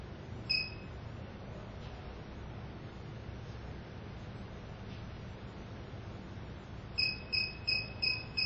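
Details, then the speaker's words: Quiet room hum, then a rapid series of short high beeps: the SK-600I infusion pump's completion alarm at the end of an infusion during IV set accuracy testing. "there is the completion alarm press stop key to cancel the alarm and stop the infusion"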